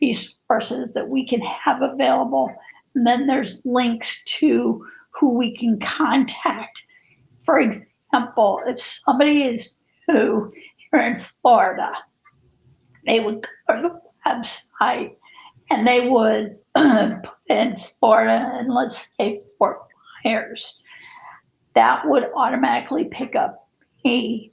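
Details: Spasmodic dysphonia in an adult woman who also has cervical dystonia affecting head and neck positioning; the disorder began affecting her life in 2017.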